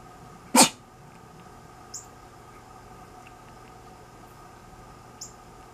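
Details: A single sharp, loud sneeze from the owner, followed by two faint high chirps ("quacks") from a sleeping cat reacting to it.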